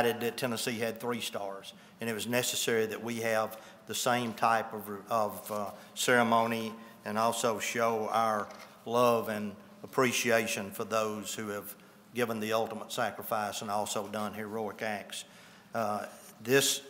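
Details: Adult male speaker; ordinary speech.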